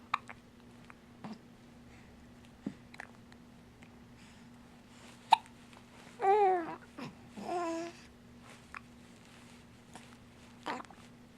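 Short, abrupt clicking catches repeat every few seconds, with a couple of brief voiced sounds between, fitting hiccups.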